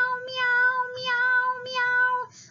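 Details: Meow used as a phonatory trigger in a hypofunctional dysphonia therapy protocol, repeated over and over, then leading into a pitch glide; voice therapy exercise.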